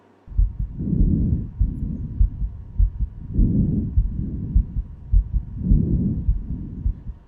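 Regular low heartbeat thumps are heard at roughly 100 a minute, with soft rising and falling breath sounds layered over them. These are healthy, normal heart sounds with normal breathing in the background and no added noises.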